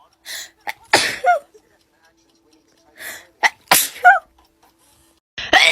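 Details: Repeated sneezes, several in quick succession within a few seconds, each a sharp in-breath then an explosive burst; frequent sneezing.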